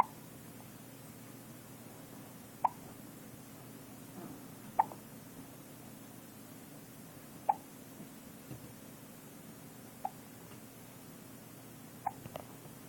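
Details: Two-week-old baby: short, sharp hiccups about every two to three seconds, five over thirteen seconds, against a steady low room hum; hiccups.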